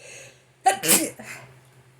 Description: I started sneezing so much before going to bed